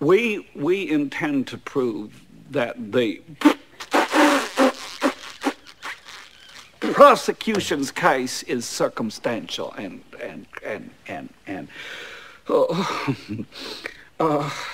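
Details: Acted film scene: a stuttering lawyer character gives an opening statement with word repetitions; stuttering.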